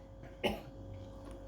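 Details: Adult man with persistent coughing is taught the effective-cough technique: after deep breaths, he gives one forceful cough burst on the fourth breath into a glass to clear phlegm; effective (huff) cough.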